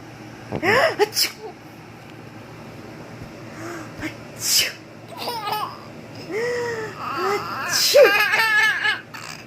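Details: Sneeze.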